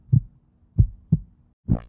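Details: Simulated heartbeat sound effect: low, regular lub-dub thumps at roughly 65 beats a minute, a normal heartbeat.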